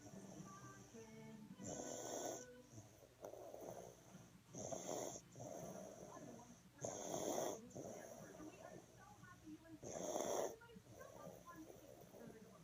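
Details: Sleeping baby girl with a bad cough, asleep on a caregiver's chest: noisy, congested snoring roughly every 1.5 seconds with a wet, rattly edge.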